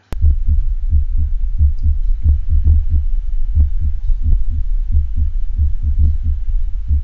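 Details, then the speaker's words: Simulated ventricular premature contraction from a heart sound simulator: sinus rhythm interrupted by a single ventricular premature depolarization. "typically this occurs when there is sinus rhythm and then there's an interruption with a single ventricular premature depolarization"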